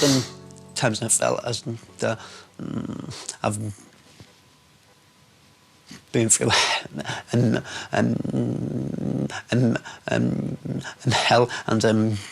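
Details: Man with a severe stammer all his life, interviewed in connection with an intensive 4-day McGuire Programme stammering course; stuttering.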